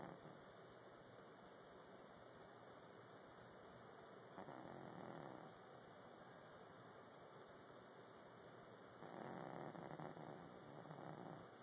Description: My cat Fritz snoring loudly...lol